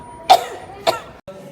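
Two short, dry acted coughs about half a second apart, over faint background music.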